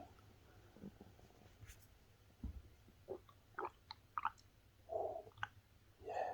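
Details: Stomach growling (borborygmi) from a man's abdomen.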